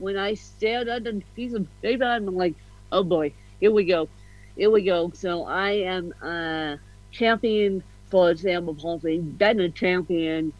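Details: Adult woman with ataxic cerebral palsy (self-described ataxic-spastic, a "mixed bag" of CP), officially diagnosed at 31, with a slight speech impediment; mild ataxic dysarthria.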